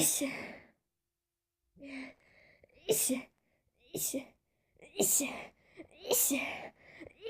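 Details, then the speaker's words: Person who is allergic to nearly everything sprays a body spray to test it: a run of about five forceful sneezes with quick breaths between, a sneezing fit. "I think yes, I'm allergic to that."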